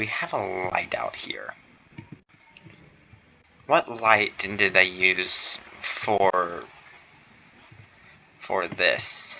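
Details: Stuttering in a male streamer who says he stutters, worse while streaming, on his first stream; includes phrase repetition ('next we need to').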